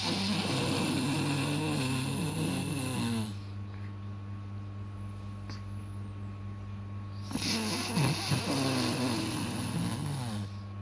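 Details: Snoring that startles a baby: two long, loud, rattling snores separated by a quiet pause, over a steady background hum.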